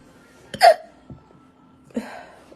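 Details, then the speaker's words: Person with an ongoing hiccup attack that home remedies failed to stop, chest hurting; two abrupt, sharp voiced hiccup catches about 1.5 seconds apart in a quiet room. "It's just, I'm a lost cause. My hiccups will stop when they want to stop. That's it."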